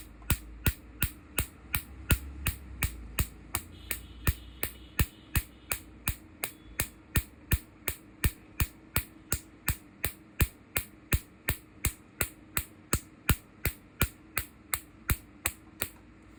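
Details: Second-session Q-switched laser tattoo removal: sharp, regular snapping clicks at about 80 a minute from the laser pulses.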